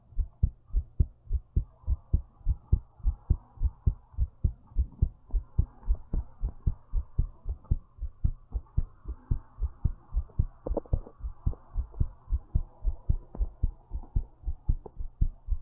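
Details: Strong, steady, prominent thumping heartbeat at about 105 per minute, recorded while lying down: a forceful, thumpy heartbeat.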